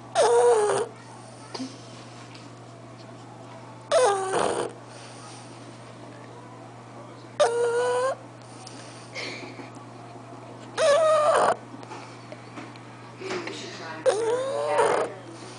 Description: Here is another snoring dog, Lilly an Olde English Bulldog.